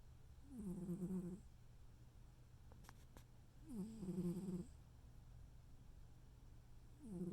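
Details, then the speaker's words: Soft, whistling, purr-like snores about every three seconds over low background hum from Noodle, a sleeping cat; snoring. "You make me laugh so much. You snore more than I do."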